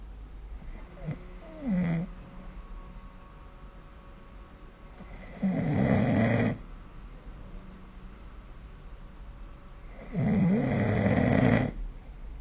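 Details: Three loud, harsh snores about four seconds apart, roughly 15 breaths a minute, over room hiss; snoring during sleep, recorded with the SnoreLab app.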